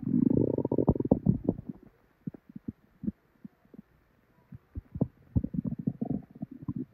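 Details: Woman's belly after drinking probably expired milk, with very bad diarrhea: loud gurgling rumble, then irregular bubbling and popping gut noises; loud, active borborygmi.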